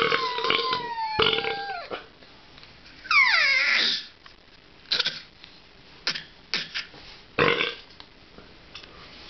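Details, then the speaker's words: Child copying an adult: brief voice at the start, then a long loud burp followed by several shorter burps; burping. "Okay, so is learning to copy me, so I'm going to take a drink of pop."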